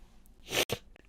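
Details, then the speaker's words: An adult recovering from COVID-19, still stuffed up, sneezes after describing intense sneezy nasal sensations: a sneeze. "I swear I honestly feel like my head I'm gonna sneeze my brains out my left or right nostril after they did those things"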